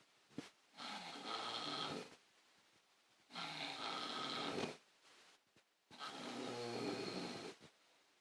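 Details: Father snoring: three long, rough, rattling snores on slow breaths, roughly one every 2.5 seconds, with quiet pauses between; ordinary snoring.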